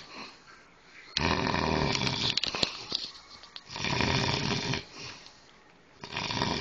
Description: my homeboy snoring his ass off!